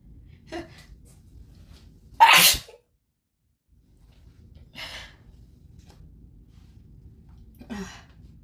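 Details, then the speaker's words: Deliberately grass-induced sneezing at high pollen count in early fall, in a person with no known plant, dander or cat allergies: one loud explosive sneeze with softer sharp breaths and sneeze-like bursts around it, quiet room. "I normally don't see this much like at all really like I don't normally have a reaction to like uh stuff like uh dander or cats but this this grass is like really I'm bless you."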